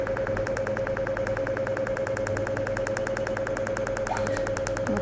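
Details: Fast, regular clicking pulses, about 200 a minute, over a steady device hum: a Cutera Enlighten picosecond laser handpiece passed over the whole face during a full-face treatment of under ten minutes.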